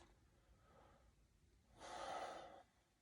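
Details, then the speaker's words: Normal deep breathing: one soft, unlabored deep mouth breath with no wheeze, taken during a pulmonary screening exam while the therapist palpates the back at the posterior lower lobes (T10) to check symmetrical chest expansion. "if you can just take a deep breath in and out through your mouth"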